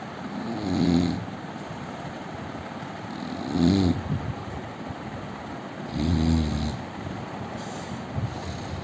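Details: Indian man snoring: three low, rumbling snores, one on each inhalation, about every 2.5–3 seconds, with quiet room noise between them; ordinary snoring.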